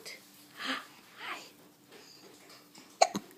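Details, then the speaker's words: Hiccups in a young child who gets them every day: soft breathy sounds, then a sharp, abrupt hiccup near the end with a smaller catch just after it. "and you still get those hiccups every day every day you get to hiccup yes you do hiccups"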